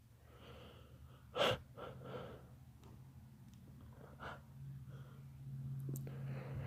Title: Sneeze fit